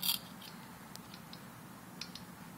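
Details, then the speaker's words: A few short, faint scratchy clicks and scrapes of hand scaler strokes on simulated calculus, lower anterior teeth, surfaces towards from the facial, starting at the line angle and rolling in, operator seated at 8 o'clock. "So I'm going to do surfaces towards from the facial. And you could start at the line angle here and roll in."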